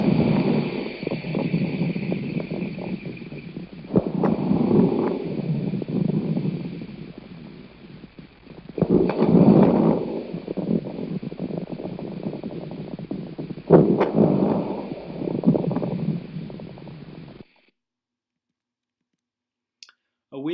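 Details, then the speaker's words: Educational respiratory assessment example: stethoscope breath sounds with scattered crackling pops over each breath, crackles linked to consolidation from pneumonia, fibrosis, bronchitis or pulmonary edema from left heart failure; lung crackles. "crackles are associated with consolidation from either pneumonia fibrosis bronchitis or pulmonary edema from left heart failure"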